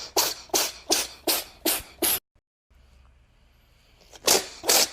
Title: The Cat Sneezes So Fun